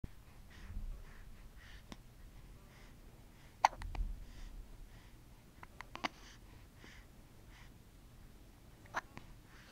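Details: Infant boy with a pacifier, body shaking with each hiccup: quiet hiccups, a few sharp, sudden catches about every three seconds, with soft rhythmic sucking between.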